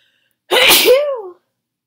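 A single forceful sneeze: sharp explosive burst followed by a trailing voiced 'choo'.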